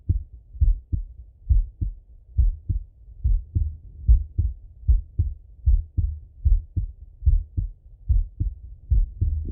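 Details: Full heart auscultation of a male through a stethoscope, recorded either sitting at a desk or lying in bed: clear, regular lub-dub at about 74 beats a minute; normal heart sounds.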